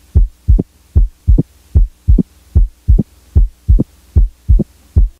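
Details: Recorded at the apex in a patient with mitral stenosis: regular heartbeat about 75/min, each second sound followed 60–100 ms later by a sharp, high-pitched diastolic opening snap.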